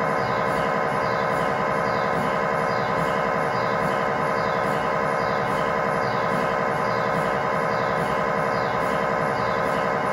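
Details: Loud, steady, rapidly repeating buzzing and knocking pulses, about 90 a minute, from an MRI scanner during a test tibia/fibula (lower leg) scan with a GE high-definition lower-extremity coil (stated as 8- or 16-channel), in a controlled environment.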